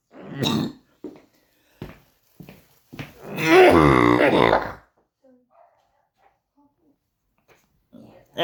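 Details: Adult born in 1962 with oesophageal atresia/tracheoesophageal fistula, after two hospital visits and 4 weeks fighting a cough: short harsh coughs, then a long honking, brassy cough with voice.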